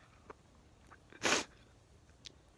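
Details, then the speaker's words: A person who has had frequent sneezing lately, reporting sneezes growing more severe, jaw locking, and a butterflies-in-stomach feeling beforehand, gives a single sharp, explosive burst against a quiet room: a sneeze. "it's like butterflies in my stomach when i feel one coming on well i think it's finished anyway folks that's just another sneeze"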